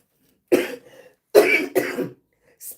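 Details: An adult who says something makes her cough a lot gives three short cough bursts followed by a brief throat clear, in a quiet room.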